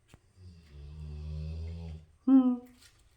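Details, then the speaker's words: Sleeping pet dog gives a long, low, droning rumble on one breath, then a brief higher squeaky note, in a quiet room: snoring. "Surely you can hear that. That's snoring."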